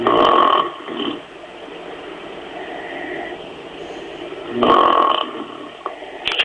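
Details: Two people having a snoring contest while another person tries to sleep: loud, rough, rattling snores a few seconds apart with quieter breathing between.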